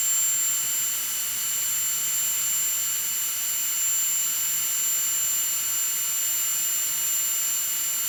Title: Annoying Sounds Noise The Dentist Drill The One We All Hate. Please Enjoy.